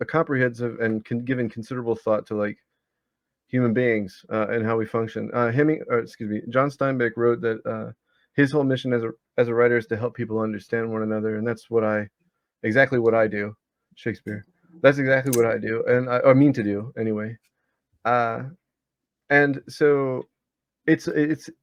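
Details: 34-year-old man with Tourette's disorder whose involuntary recurring vocal tic is the word "Shakespeare"; vocal tic.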